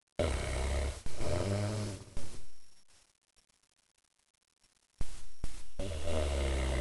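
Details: Big dog Bruce napping: loud, deep, rumbling snores with a pause between breaths; ordinary snoring during sleep.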